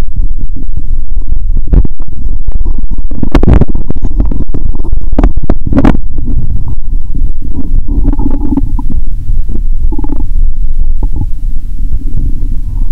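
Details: Stethoscope over a bloated belly after drinking cola with Mentos: loud deep rumbling with gurgles and pops, heavily overloaded recording; bowel sounds.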